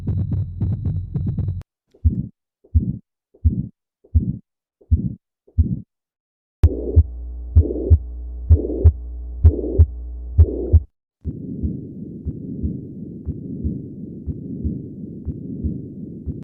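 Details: Heart auscultation through a stethoscope, demonstrating what doctors listen for: regular heartbeats at about 64 a minute in several short segments, with a steady hum behind some of them.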